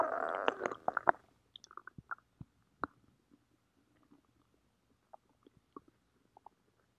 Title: stomach growling